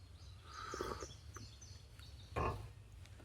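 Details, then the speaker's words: Speaker's own stomach growling (borborygmi), audible during talk. "But uh oh the irony that's my stomach."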